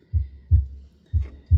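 Simulated heart sounds from a training mannequin: paired low lub-dub thumps, about 60 beats a minute, with a faint steady hum behind.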